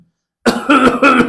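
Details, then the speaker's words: Imitated asthmatic cough: a deep breath, then two strong cough bursts, described as coming in two or three bouts and resonating from the medium-sized airways irritated in asthma; an imitated asthmatic cough. "एक बीमार deep breath लेता है और दो या तीन bouts strong कफ करता है और यह जो खांसी है यह रिजनेट होती है मीडियम साइज एयरवेज से"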